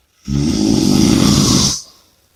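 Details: Snoring: one long, loud, rattling inhaled snore lasting about a second and a half.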